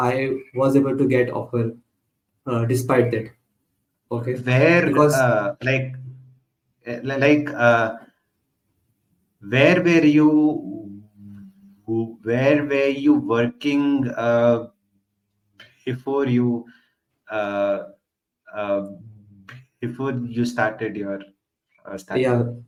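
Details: Real, self-identified stuttering in a male podcast host who stutters, part of a stammering association for 6 years; finding: stuttering.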